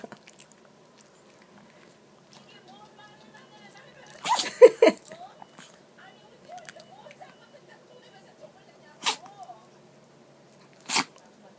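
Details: Chihuahua sneezing persistently after pressing its nose into the carpet, apparently inhaling something fine: several short, sharp nasal bursts over quiet room noise; repeated sneezing.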